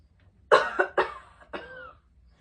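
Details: Three short, deliberate, dry coughs from an adult, a voluntary demonstration while checking abdominal movement for cough-related urinary leakage; voluntary cough.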